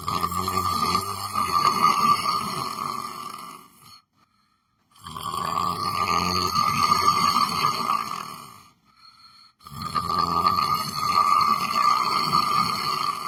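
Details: Loud, rough, rattling snores, long and continuous with brief pauses between breaths and a steady whine in the background, from a person sleeping while sitting on a chair; snoring.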